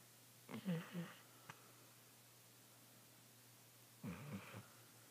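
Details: Sleeping dog snoring: two rattling, fluttering snores on the in-breath, about 3.5 seconds apart, in a quiet room.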